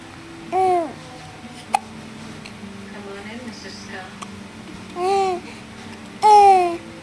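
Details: A baby girl with hiccups while oohing and cooing, her mother talking to her.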